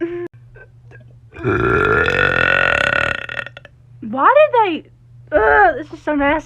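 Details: Deliberate burp after drinking coffee: one long, loud, rumbling belch of about two seconds, followed by brief talking and laughter; burping.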